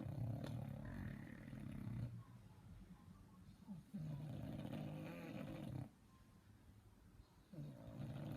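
Low, rattling breathing noises in long bursts with quieter pauses: snoring in a small flat-faced dog.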